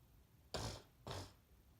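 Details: Two quick, muffled, explosive sneezes, likely stifled, from an adult sick with flu for almost a week, congested with a sore throat and feeling worse after drinking; sneezing.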